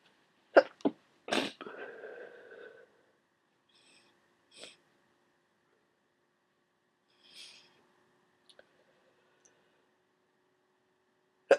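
A quick run of sharp, wet sneezes followed by quieter sniffs and faint sounds during a cold: a sneezing fit.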